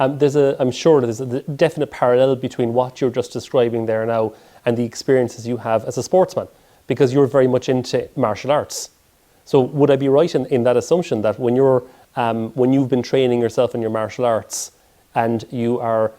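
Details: Adult male speaker; typical speech.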